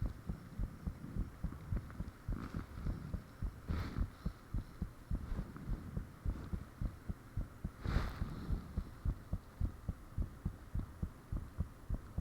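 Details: Self-recorded own heartbeat with fan off, taken shortly after heart began feeling unusually thumpy; loud fairly regular thumping about 105 a minute, occasional sharper clicks and whooshing between beats. Heart sounds.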